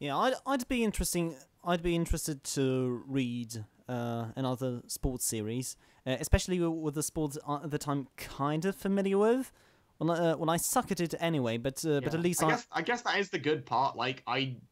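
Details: Adult man who stammers, recording while standing to reduce stomach muscle tension; stammering (stuttering).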